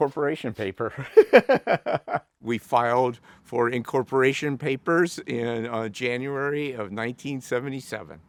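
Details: Stuttering in an adult who describes himself as a person living with a stutter.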